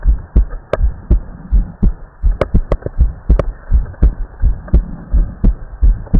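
Regular low thumping heartbeat through a stethoscope, with a faint steady hiss in the background; ordinary heart sounds on auscultation.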